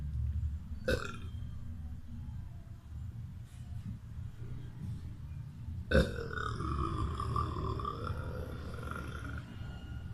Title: Burping Boy